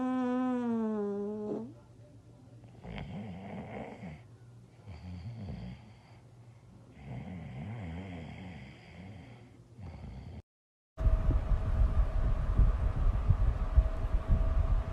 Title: Snoring And she farted